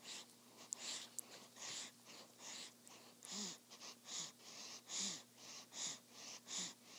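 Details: Newborn daughter sleeping peacefully after her first feeding: soft, even breaths with faint nasal hiss at roughly 75 a minute; normal infant breathing during sleep.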